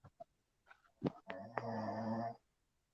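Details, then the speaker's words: Husband snoring: a few faint clicks, then a single long, low, rattling breath with a buzzing flutter lasting about a second; snoring. "who the [ __ ] is snoring my husband finally now you can hear him"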